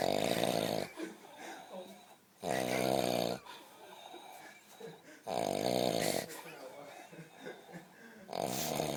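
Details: Person snoring very loudly at El Rocío, in the middle of the woods, keeping companions awake: loud rattling snores about every 3 seconds, roughly 20 a minute, with quieter breathing between.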